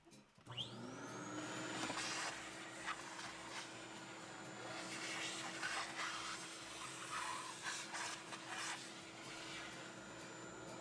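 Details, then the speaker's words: Dental lab bench dust vacuum switched on during a bench Q&A: a suction motor spins up to a steady whine with rushing airflow and faint bench scraping. "let me go and pick on the vacuum here real quick so I'm gonna pull this down a little bit"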